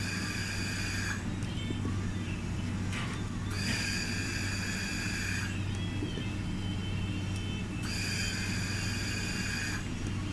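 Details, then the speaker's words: Bird ventilator with pressure raised from 10 to about 15, flow fixed: repeating two-second hissing inflow whistles, about 14 cycles a minute over steady hum; longer inspiratory time, tidal volume up to 600. "เราจะได้ยินเสียงว่า I time นานขึ้นเมื่อเราปรับเพิ่ม pressure โดยที่โฟยังฟิกอยู่เท่าเดิมแล้ว tidal volume นะครับเพิ่มขึ้นมาเป็น600"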